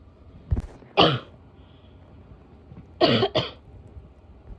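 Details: Three harsh, abrupt coughs with a barking quality from an adult woman in a quiet room.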